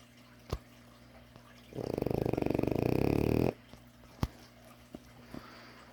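A loud, rattling snore of about two seconds, with quiet room noise and a few faint clicks around it.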